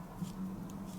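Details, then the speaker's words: Loud stomach rumbling (borborygmi) from an adult woman who says she is hungry, having eaten only a banana that day and skipped the previous evening meal. "if you can hear my tummy rumbling, then I'm seriously hungry. That is so loud."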